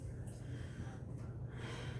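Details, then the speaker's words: Normal, unlaboured deep breath during a respiratory assessment; there is low rumbling handling noise. "I'm going to be using the diaphragm of the stethoscope to listen. Let's start up here. And if you just take deep breaths as I do this."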